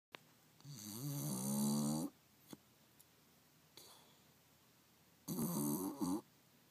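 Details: Loud, wavering, nasal snoring from a sleeping bulldog under a chair next to a heater: two long breaths with small clicks and snuffles between; harmless sleep snoring.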